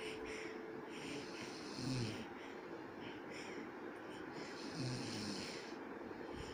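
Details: Snoring from a father sleeping beside his baby: two slow, rough snoring breaths over steady background noise, about 20 a minute; ordinary snoring rather than a wheeze.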